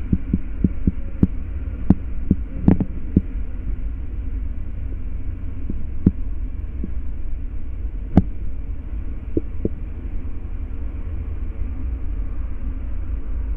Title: Taking Blood Pressure with Sounds